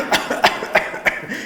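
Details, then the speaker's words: Four quick coughs in a continuous run, imitated by an adult, illustrating a continuous wet productive cough in children with chest-holding, tears and sputum rattling in the chest, suggesting lower lung (alveolar) infection. "tears in the eyes while coughing and if we hold our ears to their chest we can hear the rattling of the sputum in their chest"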